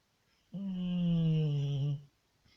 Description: Misha the Staffordshire bull terrior who snores like a human.